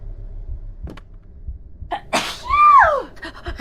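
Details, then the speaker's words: Sneeze from a VTuber during a live game stream (reported as a triple sneeze), a sudden sharp burst followed by a high squeaky vocal sound, faint background noise; sneezing. "Oh my god, I've been sneezing. So bless you. Thank you for the blessings again."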